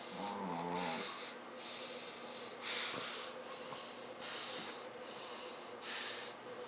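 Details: Brussels Griffon dog caught asleep: soft, airy snuffling snores about every one and a half seconds, with faint whistling; harmless snoring.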